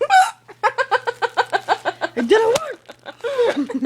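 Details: Person with hiccups while a friend tries to scare them away; a rapid run of short, sharp voiced hiccup catches followed by laughter.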